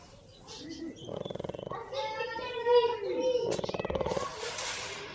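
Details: Rattling, fluttering snores with a whistling nasal note from a sleeping male pet dog; snoring.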